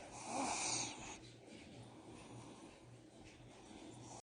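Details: Snoring from a sleeping puppy: a hissing, snorty inhaled breath, then quieter noisy breathing.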